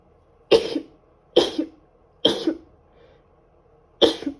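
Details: Woman with a bad cold coughing: four short, sharp, forceful dry-sounding coughs in a quiet room, each ending with a brief throaty sound.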